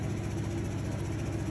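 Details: Vyaire 3100A high-frequency oscillatory ventilator in an in-service training, running with a steady loud low buzzing rumble and rapid pulsing throb as power is turned up to increase chest wiggle.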